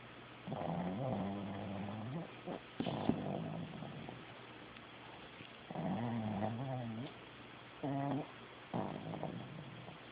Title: Loudest snoring dog.